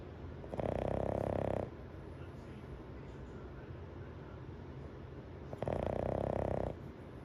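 Two loud, rough, rumbling snores about five seconds apart, each lasting about a second, with quiet breathing and room noise between them.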